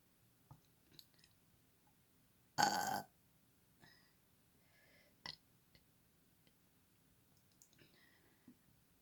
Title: Girl burping on command